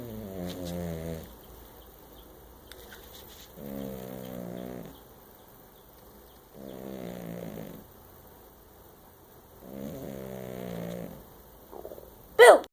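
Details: Sleeping cat snoring in four regular, buzzy bursts, about twenty breaths a minute.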